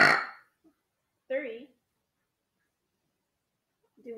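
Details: A short, low, voiced belch follows a brief noisy burst, with silence between; a burp performed on cue.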